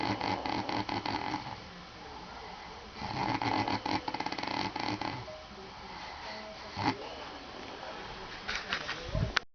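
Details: Man snoring while asleep in the evening after drinking a few tall boys; he thought he didn't snore: rough, rattling snores in breathing bursts, with fluttering on inhaled breaths and some background noise.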